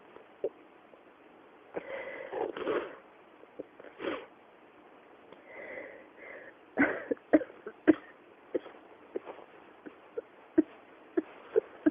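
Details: Persistent cough: repeated harsh throat bursts and catches with sniffing breaths, an ongoing coughing fit that keeps returning.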